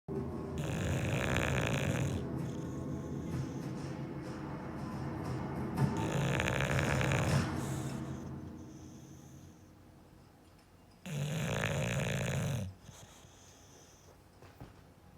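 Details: Loud, rattling snores with harsh snorting on each in-breath, about three breaths, from a sleeping bulldog: snoring.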